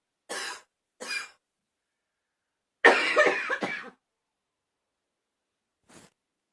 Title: #74 still coughing!